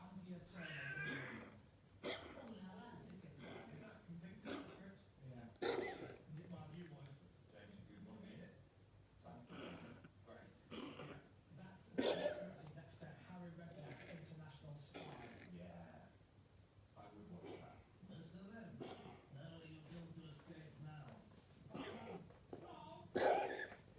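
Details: Dog recorded at home for vet diagnosis because it wouldn't cough at the clinic: repeated harsh, throaty coughing bursts, several loud and forceful, over a quiet room background.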